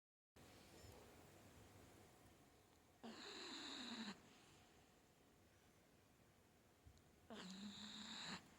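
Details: Two whistling, wheezy inspiratory snores a few seconds apart over faint room hum from a sleeping dog; snoring.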